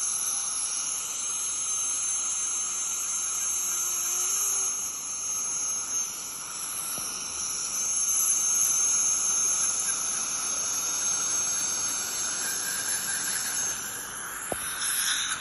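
A steady, piercing high-pitched whine with a hiss of water spray, now and then briefly interrupted. An ultrasonic scaler in use during deep scaling.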